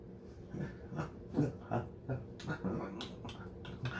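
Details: Male speaker with Tourette syndrome who turns words into a grunt to make tics less noticeable, interrupting his sentence: vocal tic (grunting).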